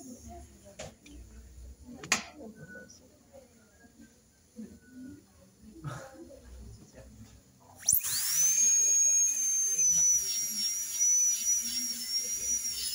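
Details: High-speed dental drill with an extra-fine bur, starting to smooth a minimally invasive contact-lens-type veneer preparation: a quiet room with soft clicks, then a sharp high-pitched whine starting and running steadily.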